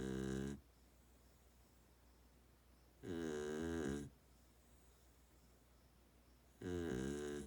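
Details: Sleeping miniature Australian Shepherd dog snoring: three drawn-out, groaning, moo-like snores roughly every three seconds, quiet between.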